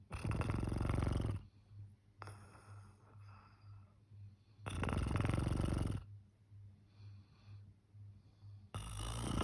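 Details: Person snoring loudly on Christmas morning during a road trip, with loud, deep, rattling snores about every four to five seconds and quieter breathing between: heavy snoring.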